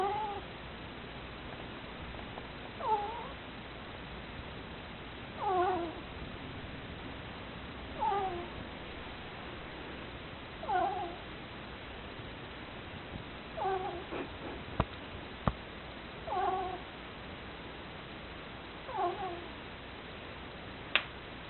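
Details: Pet ferret snoring while asleep: soft, squeaky, whistling snores recurring regularly about 22 times a minute.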